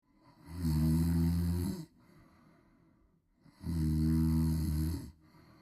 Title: Snoring Baby Viral video😴 #snoring #snoringsounds #snoringasmr #snoringtreatment #viralreels #funny